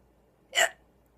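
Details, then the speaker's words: Adult with violent hiccups at midnight that sometimes last for hours; recorded on a phone. A single sharp, brief hiccup in a quiet room. "hiccups they are violent hiccups and last sometimes hours"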